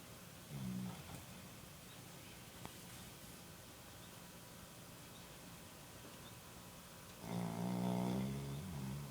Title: Dog (snoring)